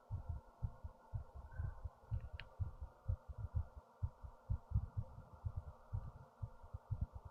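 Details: Fast heartbeat, heart racing after standing up with fast breathing, recorded with a headphone speaker: quick, low, muffled thumps at about 120 a minute against a steady hum.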